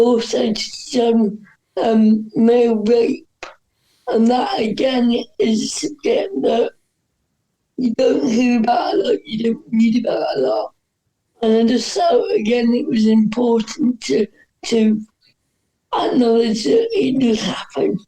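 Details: Dysarthria in an adult woman with cerebral palsy, which is stated to affect her voice; she says her disability is audible as soon as she speaks.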